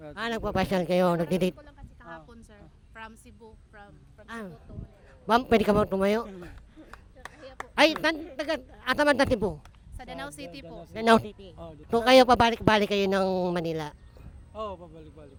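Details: Hypernasal speech from a host described, like the other hosts, as 'ngongo' (nasal-speech), asking a quiz question.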